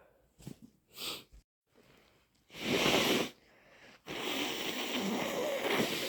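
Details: Induced sneeze in a healthy adult, not sick: short sniffs and catches build up to one forceful, explosive sneeze, followed by a loud, sustained nose blow.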